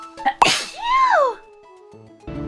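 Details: Adult female streamer with an itchy throat sneezes during a live stream, one of eight sneezes in a row: a sharp inhale, a forceful burst and a high vocal trailing sound over room tone and background music.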